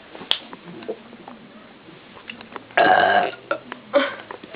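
A loud, voiced belch of about half a second, then a shorter second burp, over quiet room noise with a few clicks.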